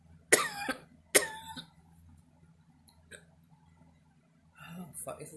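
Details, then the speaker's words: Person with hiccups: two sudden sharp gulping hiccups close together, then quiet with faint noises and a short voiced sound; ordinary hiccups. "um hiccups i must die gonna hiccup and cough"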